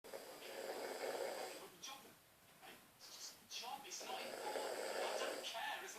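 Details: Father snoring badly while asleep, recorded on a phone: harsh, noisy snoring on the breaths, broken by snorting catches, over background room noise.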